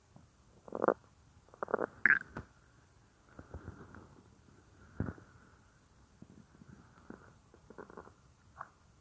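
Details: A woman's stomach growling, heard as if lying on it while she works at a computer; irregular gurgles, squeaks and low rumbles come and go in a quiet room: bowel sounds (borborygmi).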